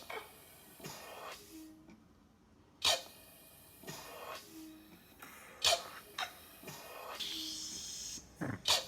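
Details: Eurus emergency ventilator: a blood-pressure-cuff-actuated manual resuscitator running on timing (automated), not pressure control, asynchronous with the patient's breathing at 5 cmH2O. Repeated hissing bursts and short mechanical sounds, about 21 a minute, as the ventilator cycles.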